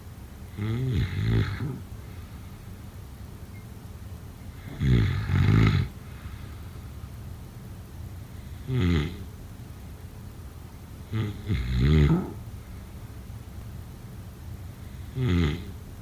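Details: Deep, rumbling snores at irregular intervals, some with a double rattle, about nine a minute; loud snoring during sleep.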